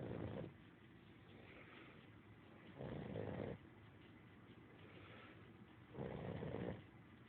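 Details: A sleeping puppy gives slow, rough snores roughly every three seconds, about 20 a minute, over steady low room noise; ordinary snoring.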